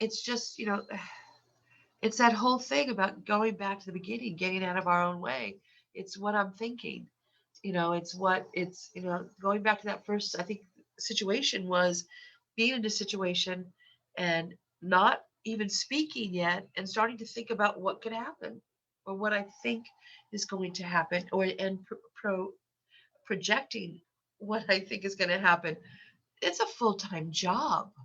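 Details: Adult woman who has stuttered for decades; her stuttering is increased in this recording because of a cold with a stuffy nose; stuttering.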